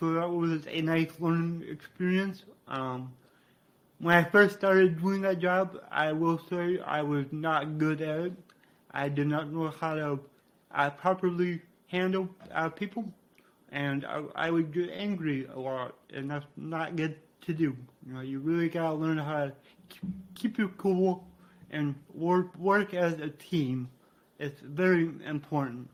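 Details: Man with cerebral palsy from brain damage after being born without heartbeat or breathing and being revived; he describes a resulting speech impediment; dysarthria (cerebral palsy).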